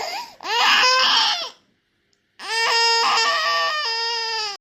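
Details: Two loud, high-pitched wailing cries from an infant, separated by a brief pause for breath, after being startled by the father's sneeze.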